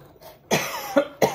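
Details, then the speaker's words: Adult with an ongoing cough, recorded indoors while talking at home: a quick run of three short, sharp coughs. "So I've still got a cough, as you can hear."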